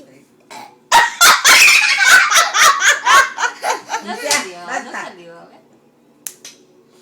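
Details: Burping in a little baby: a long, loud rolling burp with rapid pulsing, trailing off into quieter croaking belch sounds.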